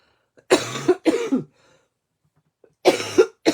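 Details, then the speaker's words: Adult coughing a lot since the weekend, speaker suspects bronchitis; about four harsh, forceful coughs in two pairs, each with a voiced rasping tail. "Désolé mon dou je serai pas très agréable ce matin à écoutez c'est ça depuis en fin de semaine je tousse beaucoup mais là je pense que c'est ça c'est une branchette"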